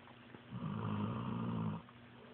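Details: Pitbull dog asleep; one low, rumbling snore lasting just over a second: snoring.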